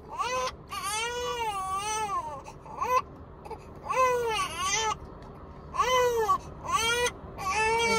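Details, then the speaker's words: Hunger cry of a two-month-old girl, taken off feeding before she was done: rhythmic, wailing cries in repeated bursts with gasping pauses, about 31 a minute. "she probably still hungry because if people came out with our food before she was completely done so I had to take her off to get the food through the the window"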